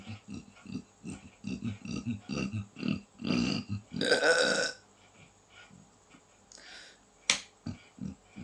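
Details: Chronic belching since 2012, usually after eating and preceded by body pain, dizziness or a drunk feeling; medication failed and upper endoscopy was advised but not done. A rapid run of short, low gulping belches leads to a longer loud belch.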